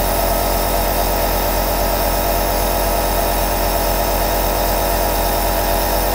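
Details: Two compressor nebulizers (aerosol devices) running together: a steady motorized buzzing hum with a fast, even, low pulsing throughout.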